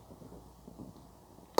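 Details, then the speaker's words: An adult's stomach rumbling audibly, borborygmi, said to be from hunger. "me you can hear my stomach rumbling I am hungry now"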